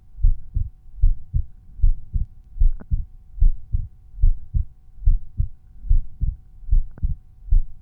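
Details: Regular lub-dub resting heartbeat, about 75 beats a minute, with a faint steady hum behind it; normal heart sounds.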